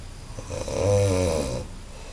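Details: A single very loud, buzzing, vibrating, almost groaning snore from a man sleeping at a smallholding in Candeias, Bahia, rising and fading over about a second, with a decibel meter showing the snore's loudness.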